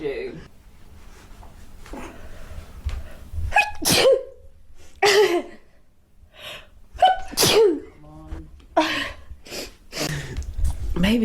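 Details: A series of sharp, explosive sneezes with quick intakes of breath between them, amid quiet voices and laughter in a room; the sneezer suspects flowers as the trigger. Sneezing.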